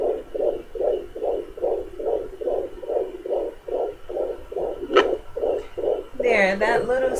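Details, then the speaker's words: Home fetal Doppler at 18 weeks of pregnancy: fast, regular whooshing fetal heartbeat near 150 a minute, earlier read at 150–161, with a brief interrupting bump of fetal movement. "little sound, that's the baby mover, that little sound that you just hear, like the little interruption. It's usually louder than that, but I guess he's not moving as much."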